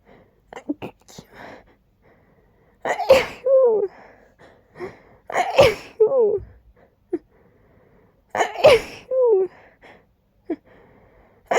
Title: Buildups to big sneezes!